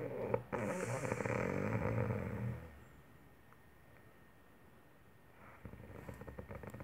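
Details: Ordinary snoring during sleep: a loud, rattling, low-pitched snore lasting about two seconds, then a quiet pause before the next breath.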